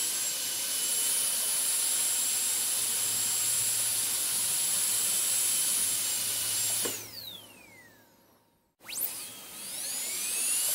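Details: High-pitched steady whine of a dental drill that winds down and stops, then spins up again; an ASMR dentist-drill on-and-off sound recording.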